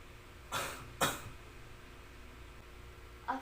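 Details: Two short, deliberate coughs in close succession in a quiet room; simulated controlled coughing and deep breathing exercise while assisting a client.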